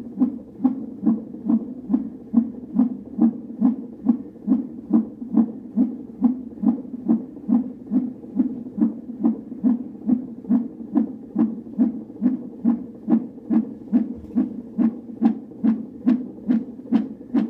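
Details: Fetal heartbeat on Doppler at a doctor's office: rapid, regular whooshing at about 140 beats a minute, a normal rate.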